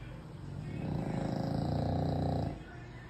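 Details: Very loud snoring from an American bully dog.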